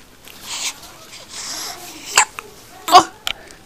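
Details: Hiccups: soft breathy sounds broken by two or three short, sharp gulping catches.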